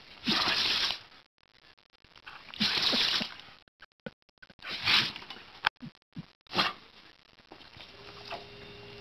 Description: Sneezing fit caught on tape